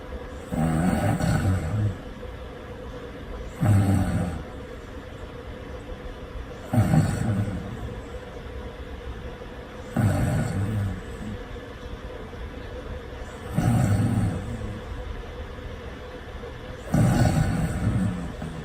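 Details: Loud, low, rumbling snores in deep sleep on each in-breath, about 18 a minute, with quiet gaps between; the snorer recorded themselves.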